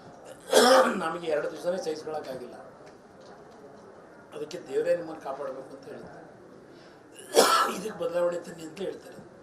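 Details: Persistent, repeated harsh explosive coughing in a politician (H. D. Kumaraswamy) during a public rally tour; two coughs with muffled talk between; cough.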